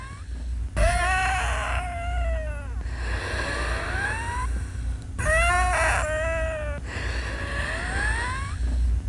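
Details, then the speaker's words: Pediatric respiratory distress: high musical wheezes on both inspiration and expiration, indicating worsening lower-airway obstruction and narrowing; mild obstruction gives expiratory wheeze only. "with mild obstruction of lower Airways you'll only hear them on expiration as the obstruction gets worse and the airway narrows you'll hear wheezing on both inspiration and expiration"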